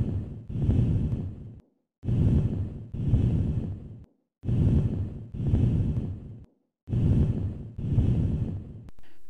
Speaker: Now listen to vesicular breath sounds with prolonged expiration as heard in bronchial asthma.